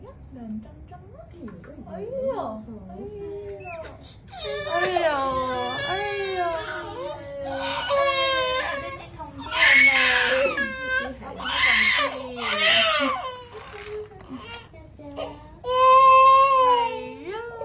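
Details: Toddler crying hard in pain after a vaccination injection, with loud, strained wails and broken sobs.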